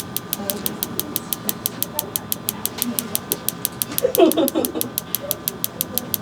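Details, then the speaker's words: Radial shockwave therapy at higher-than-usual energy on an adult man's elbow for an extensor mass strain from gym overuse: rapid regular sharp clicking pulses, about eight per second, with faint background voices. "so we're sending a little bit more energy than usual into this spot just mainly because we're trying to test out a couple things with our treatments"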